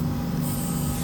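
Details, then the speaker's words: Irrigation of the socket and flap after removal of an impacted distoangular wisdom tooth, before flap closure: continuous hissing, rushing spray and suction of fluid. "irrigate the socket irrigate the flab inside of the flap all the areas and then close the flap"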